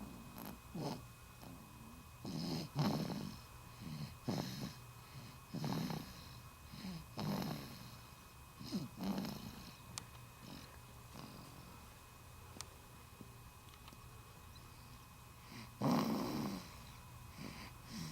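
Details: Soft, irregular snuffly snores with short noisy nasal breaths from a sleeping 4-week-old infant; infant snoring.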